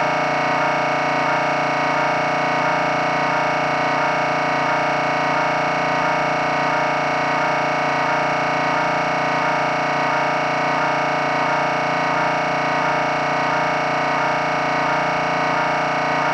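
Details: Real MRI scanner noise, sample to prepare patients (children) for a scan: loud steady buzzing drone with rhythmic pulsing, about 88 pulses a minute.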